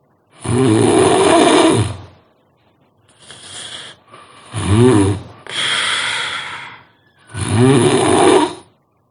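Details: Very loud, harsh, rattling snoring with long drawn-out breaths and brief pauses between them, about four breath cycles in nine seconds.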